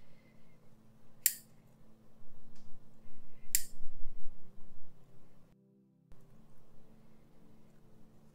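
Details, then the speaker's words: Orthodontic wire replacement on a staff member during clinic staff training: after ligating the upper brackets, twisted ligature wires are bundled and cut with a pin cutter, giving two sharp metallic snips over low room noise. "結んだ結紮線は一回このようにぐりぐりとまとめてピンカッターで切っていきます"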